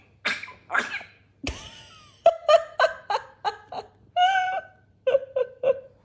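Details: An African grey parrot mimics a cough: harsh bursts, then a run of short tonal hacking sounds.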